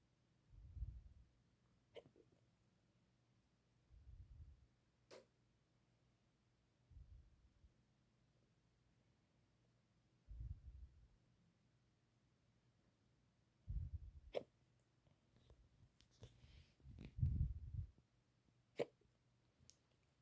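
Repeated brief low-pitched jerky sounds every few seconds, some with a sharp click, in a quiet room; hiccups.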